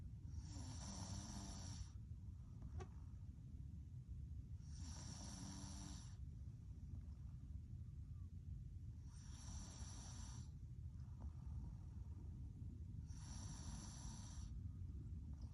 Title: Snoring keeps the deer away.